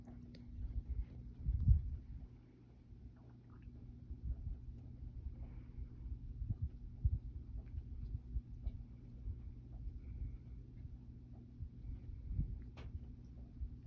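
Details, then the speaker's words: Normal bowel sounds heard on abdominal auscultation during a GI/GU assessment, with nothing unusual heard. "okay sounds good there um again i don't hear anything um unusual everything sounds good so that finishes um auscultation"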